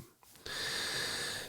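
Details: An adult podcaster trying to quit smoking cigarettes wheezes badly: after a brief quiet moment, a long, hissing breath carries high, whistling tones throughout; wheezing.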